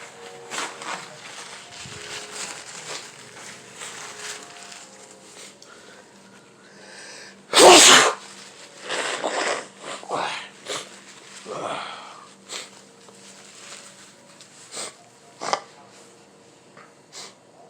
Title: Kitchen And Backyard Sneeze